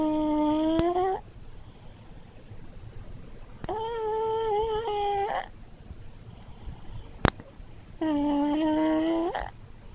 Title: チワワのいびき - Snoring Chihuahua -